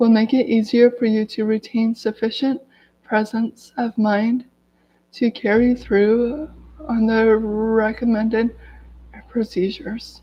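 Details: Adult woman who has stuttered daily her whole life, severe as a child, with speech blocks and S-words especially hard, speaking in a live video while recovering from an illness; stuttering.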